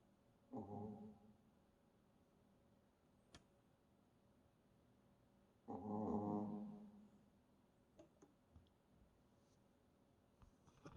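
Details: Shih Tzu puppy snoring: two soft, low snorting snores several seconds apart, with faint clicks in a quiet room.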